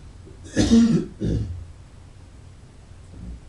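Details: Adult man gives a harsh, rough throat clear followed by a shorter second clearing cough, a cough linked to alcohol and cigarettes.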